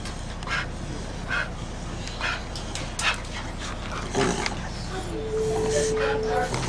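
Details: A female dog having a reverse sneeze episode: repeated short, noisy snorting intakes of breath over a steady background hum.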